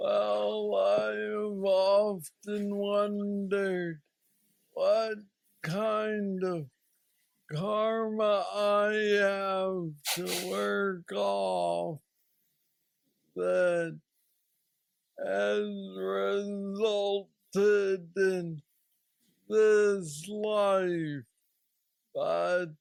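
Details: 46-year-old man with Parkinson's disease diagnosed at age 35, which he calls the most aggressive form; he has a deep brain stimulator implanted 2 years after diagnosis and mobility struggles; Parkinson's disease speech (hypokinetic dysarthria).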